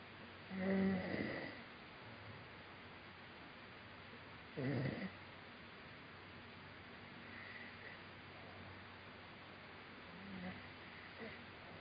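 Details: Man who fell asleep during a Skype call, snoring hard: two loud rattling snores over steady room hiss, then fainter snores.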